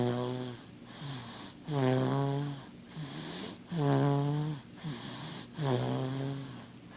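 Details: Snoring: loud, regular tonal snore on each breath, about 30 breaths a minute, with quieter breathing sounds between.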